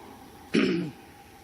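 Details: A single short, throaty cough close to a throat clear in a quiet hall; an adult woman coughing while giving a college commencement speech; coughing bout.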